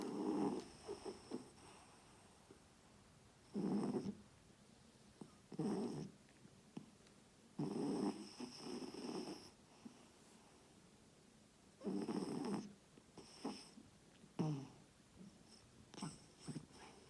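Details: Dog snoring while asleep: slow, rumbling snoring breaths with quiet pauses between them, about eight breaths a minute.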